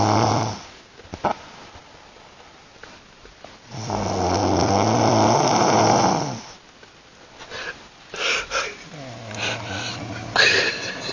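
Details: Heavy snoring during sleep at night: loud, rough snoring breaths with pauses between them, plus quieter noisy breaths.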